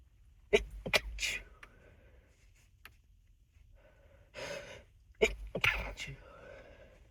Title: A lot of nose blowing and stifled sneezes